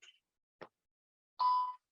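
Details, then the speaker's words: Brief chirp and click, then a sustained electronic tone: Baxter Sigma infusion pump downstream occlusion alarm after starting at 500 mL/h with tubing still clamped, in a training demonstration. The pump resumes once the roller clamp is opened. "I have not yet unpinked my tubing so it's saying Downstream occlusion"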